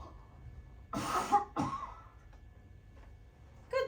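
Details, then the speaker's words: Voluntary cough during cough testing: an adult takes a breath in and gives two strong, sharp coughs into a mask held against the face; peak cough flow measured at about 275. "so for this first one you're going to take a breath in and then cough as if something went down the wrong pipe breath in"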